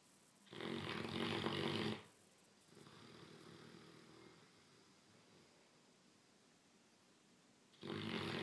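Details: A six-month-old Great Dane puppy asleep gives loud rasping snores on each in-breath, with a softer breath between, about eight seconds apart, sounding like a man snoring.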